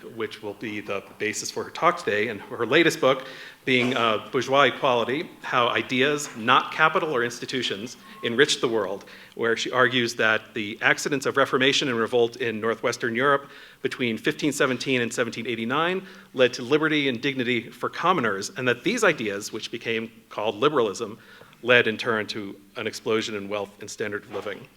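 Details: Adult man speaking; no disorder.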